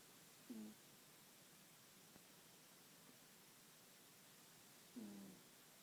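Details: A cat snores, breathing very loudly in its sleep.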